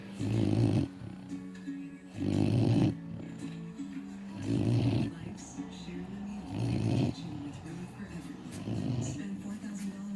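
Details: Two 15-week-old bloodhound puppies asleep: loud, rumbling, rhythmic snores about 30 a minute with quieter breathing between; snoring.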